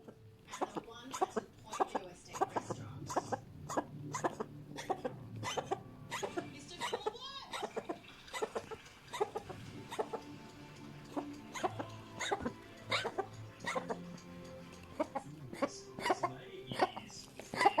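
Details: Cat with vet-diagnosed laryngitis/tracheitis, suspected from eating an irritant indoor plant: repeated short, harsh, rasping coughs; she recovered within a week on anti-inflammatory and antibiotic treatment.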